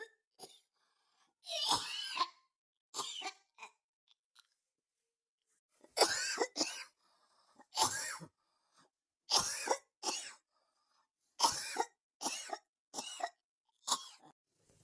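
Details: Repeated harsh coughs, singly and in pairs, roughly a dozen bursts with short quiet pauses; a recurring dry-sounding cough.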